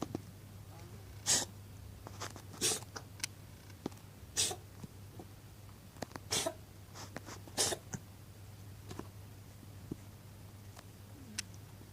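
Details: Cat coughing: about five short, harsh, airy bursts spaced a second or two apart in a quiet room.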